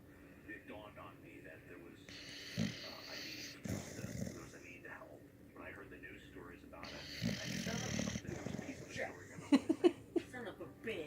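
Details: Sleeping dog snoring: two loud, rough snoring breaths about five seconds apart, with quieter snuffly breathing and faint room noise between them.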